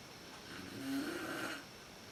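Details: An adult woman (the uploader's mother) snoring in a dark room, worst as she first falls asleep, recorded on a PowerShot SX130IS camera: one soft, drawn-out snore about a second long over a steady background hiss.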